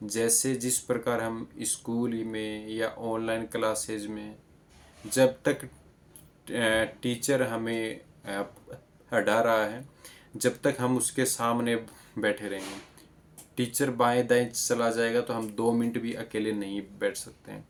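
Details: Adult man born in 1996 with stuttering since childhood. He has practised speech exercises for about 2 months with improvement.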